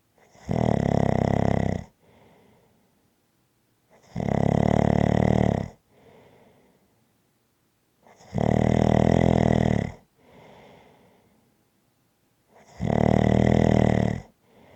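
Loud, rumbling snores on each breath in, with quieter breaths out between, about 15 breaths a minute.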